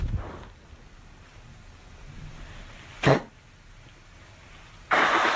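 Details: Girl coughing: a few sharp, separate, voluntary cough bursts against a quiet outdoor background.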